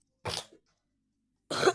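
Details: Two short, separate coughs in a quiet room from a gamer who says they are sick; ordinary cough.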